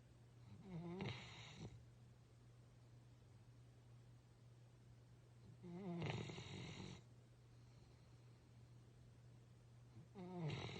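Low, rumbling snores on each breath in, about every five seconds with quiet gaps between, roughly 14 a minute: snoring.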